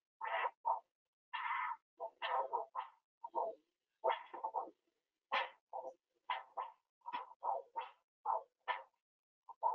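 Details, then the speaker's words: Doppler probe on an adult's own radial artery while he coughs repeatedly: short bursts of arterial whooshing with each cough, showing flow driven by chest pressure (thoracic pump mechanism of CPR). "Now I'm going to go ahead and now do coughing. I want you to hear every time I cough, the Doppler is going to make that sound as if I'm having a heartbeat."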